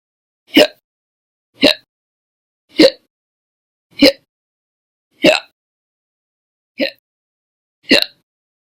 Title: 6/1/20 to 6/30/20, Violent, Bad Loud, Silent, Minute, Second Hiccups Audio Only